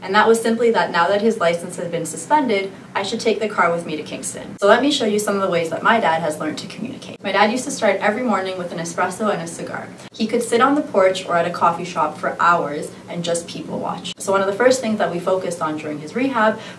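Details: Adult narrator; no disorder.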